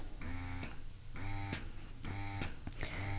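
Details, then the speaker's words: A Motif Duo portable electric breast pump switched to a faster cycle mode, one of three cycle-speed modes; rhythmic motor hum rising and releasing about once a second, with soft clicks at each release. "we're going to switch it into a different cycle mode so hold it for one second you can hear that that increased the cycle speed a little bit and there's one more option there"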